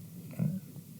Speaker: oh my gosh that's my stomach guys do you hear that that is crazy that I'm sorry it's been happening this whole time I'm hungry